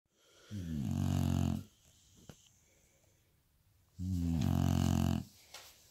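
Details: Sleeping bulldog with eyes wide open: two loud, low rattling snores, each over a second long, about three seconds apart, with quiet exhales between: heavy snoring.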